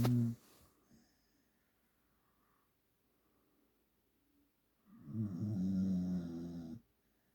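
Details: One long, low, rattling snore with a short snort at the start from a sleeping pit bull; snoring.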